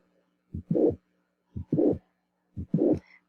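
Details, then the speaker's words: Mitral valve prolapse causing mitral insufficiency, described as a late-diastolic murmur: heart cycles near 60 a minute, each a short thump, then after a brief gap after the second sound a longer blowing murmur. "ahora este es un soplo de un prolapso mitral los prolapsos generan insuficiencia"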